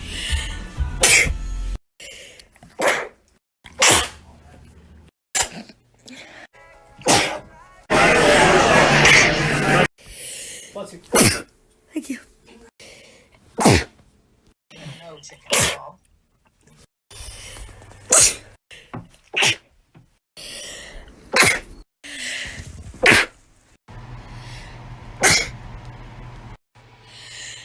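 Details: A string of sharp, explosive adult sneezes, each a sudden burst of air separated by brief pauses, from a compilation recorded June 2019 to April 2020; sneeze.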